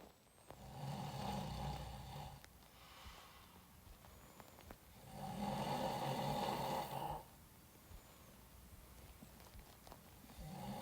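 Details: Fairly quiet, low, rumbling snores on slow inhalations from a sleeping Iranian actor, recorded by a friend; two long snores with quieter breathing between, in a quiet room.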